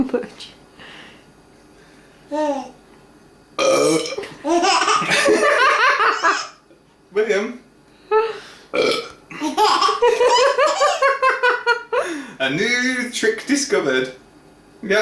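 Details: Gassy burps for someone who finds them hilarious and now anticipates them: several loud, drawn-out burps mixed with laughter from others in the room.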